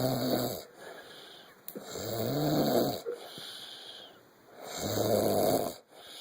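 Three loud, rough, buzzy snores with a low tone, about every two seconds, separated by quiet exhalations.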